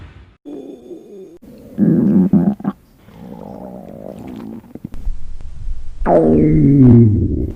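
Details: Stomach growling (borborygmi) recorded from a girl during a 24-hour fast: long, low gurgling and rumbling growls that rise and fall in pitch, from an empty, hungry stomach.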